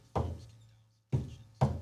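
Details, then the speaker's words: Vocal imitation of normal first and second heart sounds by a physician: low thumping syllables illustrating what is heard on auscultation. "so what we basically hear are the two heart sounds and i hope this doesn't screw things up but"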